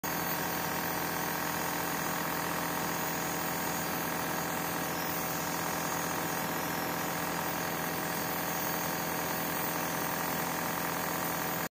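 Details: Nebulization for cold and cough. A nebulizer compressor runs continuously with a steady mechanical hum and buzz, and no breathing or voices are heard.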